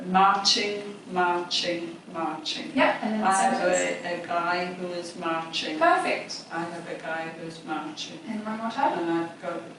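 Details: Person with chronic post-stroke aphasia in a Constraint Induced Aphasia Therapy group session, attempting to describe a picture card using speech only; aphasia.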